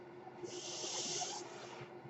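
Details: A steady low machine hum with a soft one-second rush of air from a man's own ventilator, heard while he speaks: a mechanical ventilator breathing cycle.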